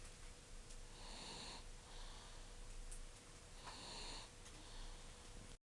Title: snores - ngáy